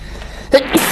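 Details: Adult male K-pop singer gives a single quick sneeze, sharp inhaled catch then abrupt noisy burst, amid music and applause; sneeze.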